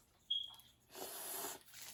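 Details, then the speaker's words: A brief squeak, then a steady airy hiss as a student nurse tests the suction catheter before tracheostomy suctioning of a patient in a simulated OSCE exam. "I'm gonna go ahead and now suction uh our um use the suction calculator okay get rid of some of those Foods in your lungs I'm going to check that it works"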